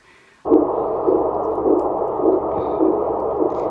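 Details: Early twin pregnancy on ultrasound, two sacs seen, later miscarried: steady whooshing beats about 105 a minute with a loud rushing hum, the embryo's heartbeat in one sac; the other sac's contents uncertain.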